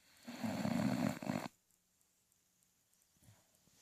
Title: Sis snoring